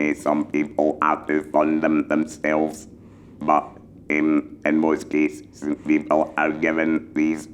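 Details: Male laryngectomee speaking with an electrolarynx, experienced enough to advise new users; finding: electrolarynx speech.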